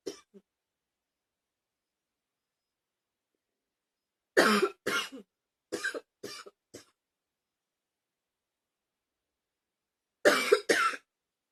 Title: 10 minutes of coughing